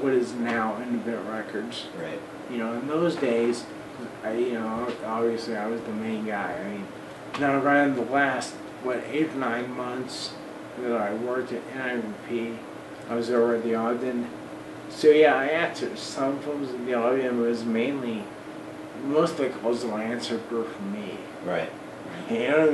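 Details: Man of about 40 with Friedreich's ataxia who uses an electric wheelchair; voice worse than 10-12 years ago, talking a struggle and much harder over the last 6 months; ataxic dysarthria (Friedreich's ataxia).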